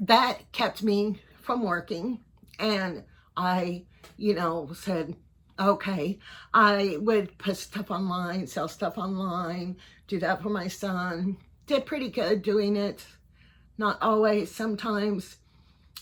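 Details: 55-year-old man, neurologist unsure if Parkinson's disease, cervical dystonia or both; tremor in voice, head and hands since about January 2024, worsening; on carbidopa-levodopa and neck Botox injections; finding: voice tremor.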